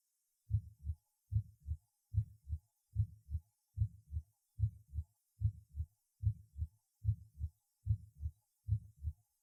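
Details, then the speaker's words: Aortic regurgitation recorded at the second auscultation point: regular heartbeat about 73/min with a soft diastolic murmur and weakened second heart sound. "диастолический шум во второй и пятый точках аускультации свидетельствует о наличии недостаточности клапанов аорты 2 тонн почти всегда ослаблен прослушайте запись сделаны во второй точке аускультации"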